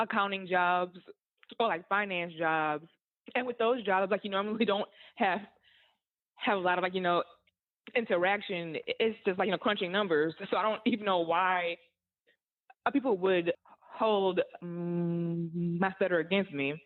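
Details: Adult woman who stutters, an author and content creator, says stuttering hurt her job search and interviews; stuttering.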